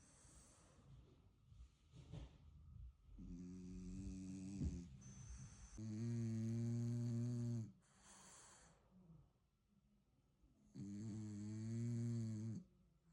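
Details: French bulldog puppy snoring right after falling asleep: loud, buzzing, rattly inhalations with snorting noises between them.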